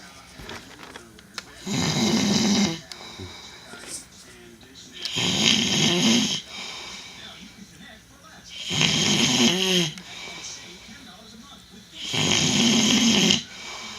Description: The loudest 2 minute snore.